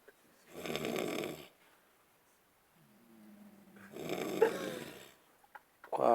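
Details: Snoring during sleep at a camp: two loud, rattling snores about three seconds apart, with a quieter whistling breath between them.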